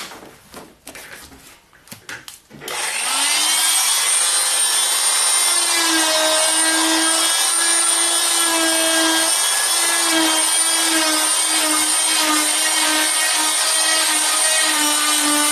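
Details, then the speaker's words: Oscillating cast saw making the second, overlapping cut on the side of a fiberglass foot and leg cast to bivalve it: brief handling noise, then a steady high-pitched grinding whine. "yes we're going to start making your other cut you do want to slightly overlap your lines or they won't actually completely cut through"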